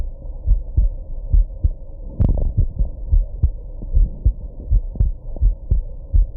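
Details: Steady heartbeat after drinking some alcohol and smoking, with one sudden sharp jolt midway, likely a hiccup; heartbeat with hiccup.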